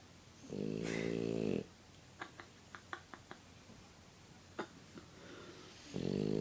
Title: My dog snoring with his eyes open